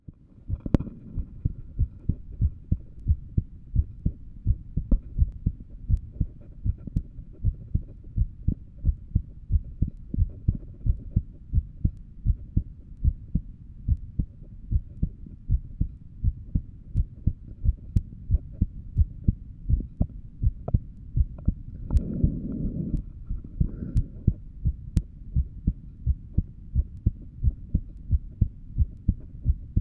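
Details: Heartbeat recorded while lying down: steady, regular low thumping at about 88 beats per minute, with a faint background hum.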